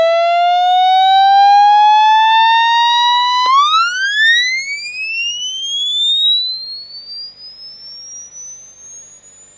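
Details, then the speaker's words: Pure tone from a homemade frequency hearing-test generator built on a mini frequency generator, starting around 5 Hz and rising slowly, then sweeping quickly into a very high pitch that fades; the presenter says 18 kHz is their upper hearing limit. "And now let's change the frequency. Increase the frequency. Right now it's at 0.5 hertz, or just 5 hertz. Yeah, it's at 5 hertz. I'm going to increase it."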